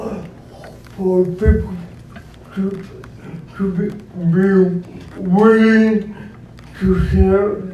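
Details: Dysarthric speech in an adult man described as physically challenged with a speech impediment, who uses a wheelchair and needs a personal care assistant; real speech.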